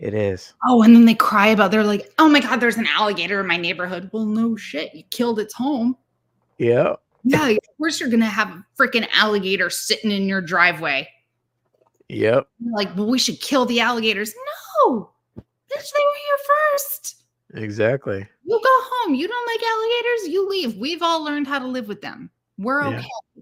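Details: Adult speakers in casual conversation; normal speech.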